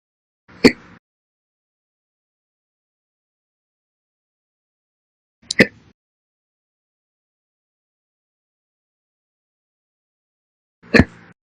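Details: Three short, sharp hiccups about five seconds apart in a quiet room, roughly 11 a minute; slow hiccups that recur daily, recorded 9/3/21 to 9/4/21.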